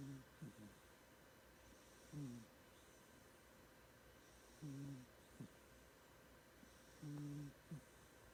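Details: Snoring of a pet cat while dreaming.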